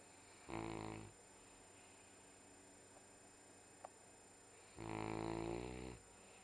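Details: Sleeping during a Sunday morning nap: two low, buzzing, vibrating snores about four seconds apart with quiet between, over steady room hum; snoring.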